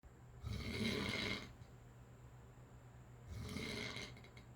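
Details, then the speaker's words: Sleeping dad giving two long, rough, rattling snores on inhalation, separated by quiet exhalation, over a steady room hum; quieter than a minute earlier; snoring. "Daddy's snoring, huh? Not as loud as he was a minute ago, though."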